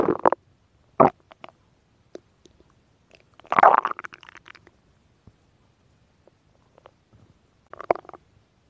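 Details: Woman's stomach recorded for ASMR: close, clear gurgles and squelches in irregular bursts with silent gaps; normal stomach growling from gut movement.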